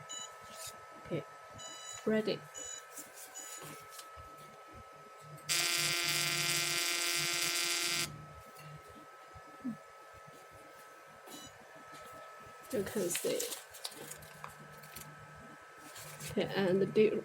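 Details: Steady electronic buzzing tone for about two seconds amid faint beeps and clicks in a small room; a portable fractional CO2 laser (LS-X1A) firing a scan during a device demonstration.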